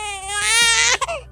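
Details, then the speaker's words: Infant giving a single high-pitched, tonal wail that swells then breaks off into a brief whimper. "the other type of cry that you can look out for a very irritating cry that you've never heard your baby cry like this before because your baby might be in pain when they are crying"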